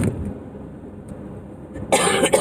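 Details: Two short harsh cough bursts with quiet room noise between, from an adult woman with sinus and allergy trouble and congestion since January.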